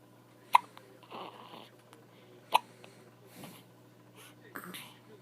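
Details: Baby with hiccups: two sharp, brief hiccup sounds about two seconds apart, with soft breathing and light background noise between.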